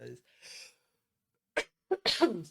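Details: A few words of speech, a quick breathy intake, then sharp explosive sneeze bursts before talking resumes during a podcast where a participant has Covid; a sneeze.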